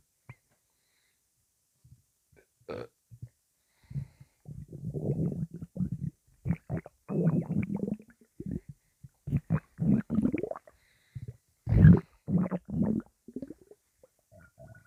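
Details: Loud, intense stomach rumbling: low bubbling gurgles and rumbles in irregular runs from an active gut; normal borborygmi.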